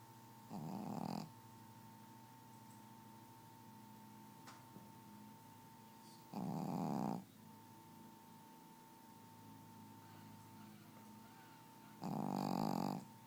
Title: Gidget Snoring